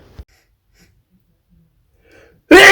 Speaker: what was that sneeze that was a wild one